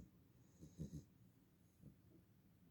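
Soft, low snorting breath sounds with a brief burst of snore noise from a sleeping puppy; ordinary snoring.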